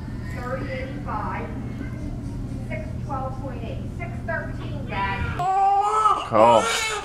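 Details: Short whimpers over steady humming room noise, then a strong, loud cry: first cries of a newborn girl just after an emergency C-section, done after induction when her heart rate dropped; born after 4½ years of fertility treatment.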